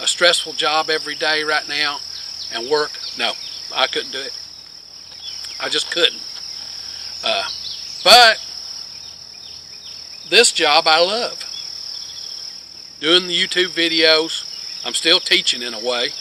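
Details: Adult man with long-standing multiple sclerosis who reports scanning speech with frequent pauses and word-finding difficulty that made him quit teaching physics; scanning speech (ataxic dysarthria).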